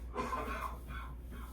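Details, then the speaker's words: Adult man coughing in the background just after a shower: a muffled cough followed by one or two fainter coughs over steady low room hum. "That's my husband coughing if you can hear him. Uh he just got out of the shower."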